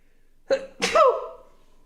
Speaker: Next next sneeze, I'll make sure it is so overwhelming that my neighbors hear it. My apologies. I didn't know we were ranked sneeze here.